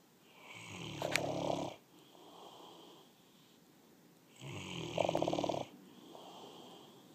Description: Bullmastiff snoring.